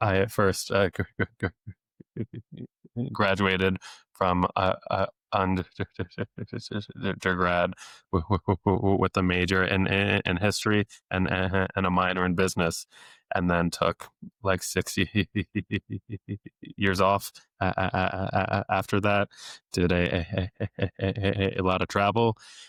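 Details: Adult male speech-language pathologist who has stuttered since age eight, with therapy off and on into his early twenties, deliberately lets his stutter show; stuttering with sound, word and phrase repetitions.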